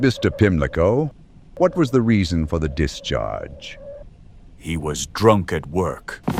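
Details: Adult male voices, acted courtroom exchange; normal speech.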